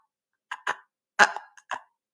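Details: Man in a stuttering-management talk deliberately demonstrating a block on his own name, with physical tension and part-word repetitions, before showing the pull-out technique; stuttering block with part-word repetitions (imitated).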